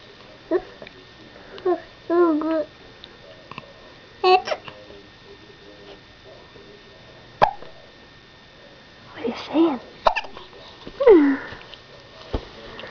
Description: those pesky hiccups - 3.5 months old